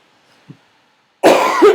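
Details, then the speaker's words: Adult getting over a cold, coughing during a live-streamed lecture; a single abrupt, forceful cough after a near-silent pause: cough. "Sorry, I'm just getting over a cold, so you'll hear me coughing and sniffling a bit."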